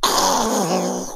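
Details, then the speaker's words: Imitation of upper airway resistance syndrome breathing: a strained, groaning, effortful breath through a very narrow but not fully blocked airway, demonstrating the sleep breathing disorder between snoring and obstructive sleep apnoea. "here there isn't a complete blockage of the airway like in OSA but there is a very narrow airway therefore it takes quite a lot of effort to breathe through this narrowing and sounds a little bit like this"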